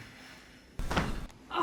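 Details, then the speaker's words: A dull thud with brief crackling pops, then a voiced exclamation, as an adult woman with prior Bell's palsy receives a thoracic adjustment: joint cavitation from thoracic spinal manipulation. "no was that you were flopping i think that was both of us you both had thoracic adjustments at the same time"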